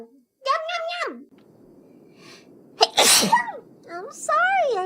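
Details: Woman sneezing during her own livestream: a sharp burst of sneezing between bits of voice and music, with a faint steady hum behind: ordinary sneeze.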